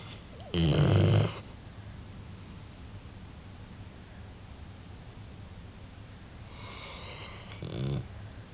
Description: パパの腕枕でお昼寝中に、大きないびきが聞こえてきたよ。